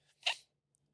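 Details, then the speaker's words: Adult with a cold or sinus congestion gives a single brief, hissing snort through a stuffy nose: nasal snort. "sorry, I'm a little stuffy. Did you hear that little snort in the nose Snort. there?"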